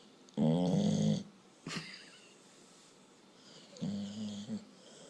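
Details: Two rattling, buzzy inspiratory snores a few seconds apart with a short snort between, from a tired dog sleeping; snoring.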